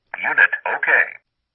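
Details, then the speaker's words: Zoll AED Plus defibrillator after a manual self-test started by holding the on/off button about 5 seconds: synthetic voice says "Unit okay", meaning the device passed its self-test. "This indicates your AED Plus passed the self test."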